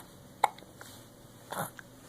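Two abrupt, sharp little catches about a second apart in a quiet room, typical of an infant's hiccups.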